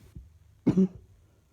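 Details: Ongoing cough: a single short, fairly deep cough from an adult in a quiet small room, a persistent cough.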